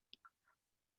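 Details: Speech therapist imitating (acted) hypernasal resonance in Spanish: excess nasal-cavity resonance on vowels, linked to velopharyngeal dysfunction in cleft palate and distinct from nasal air escape on consonants: hypernasality (hypernasal resonance).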